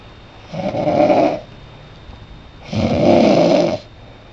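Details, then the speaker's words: Mother asleep on Christmas morning, snoring: two long, loud, rattling snores about two seconds apart, with quiet room noise between them. "hey guess what it's Christmas morning and everybody is asleep he Mama's soring"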